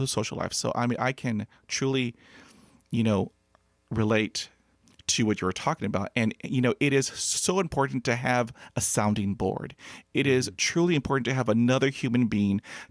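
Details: Adult man who has stuttered since childhood, unable to talk as a child, whose mother also stuttered and who hid his stutter for 35 years; stuttering.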